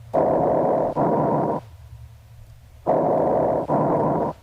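Loud, harsh, hollow breath sounds in two cycles, with a clear silent gap between breaths: bronchial breath sounds, normal over the trachea and manubrium.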